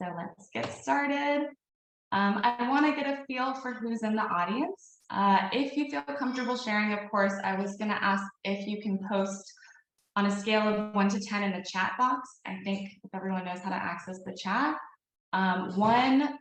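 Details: Adult woman speaking; Normal speech.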